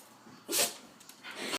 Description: We couldn't figure out why, but my dog Zoe could not stop sneezing for about twenty minutes.